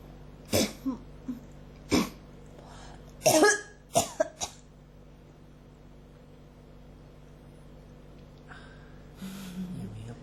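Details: Several harsh coughs in quick succession, then quieter breathing, from a persistent cough that the person says is hitting their throat; ASMR-style recording.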